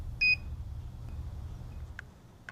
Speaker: for example if battery power is low the onsite will tell you to replace the battery